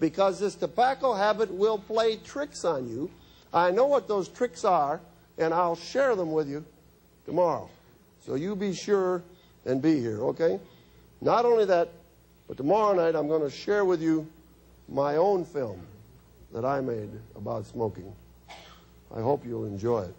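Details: Adult man lecturing; Normal adult male speech.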